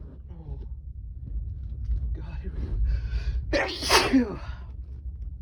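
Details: Intense sneezing fit after a strong nasal tickle: gasping build-up breaths, then one forceful explosive sneeze over a background hum; eyes watering and spray afterward.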